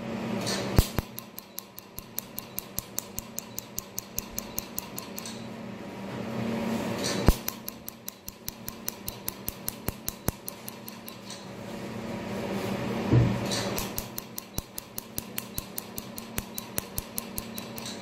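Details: Q-switched laser tattoo removal in a dermatology clinic, patient saying it does not hurt; rapid, regular sharp snapping clicks in runs over a steady machine hum.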